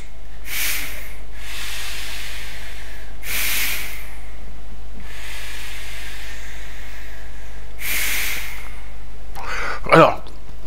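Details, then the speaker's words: A mouth-held breathing trainer gives slow, drawn-out hissing breaths, about three in ten seconds, ending in a brief louder puff. The device is held with the teeth and resists both inhalation and exhalation. It is adjustable and is used by asthmatics and athletes. "résistance contre l'inspiration et contre l'expiration bon alors après il faut faut savoir le régler"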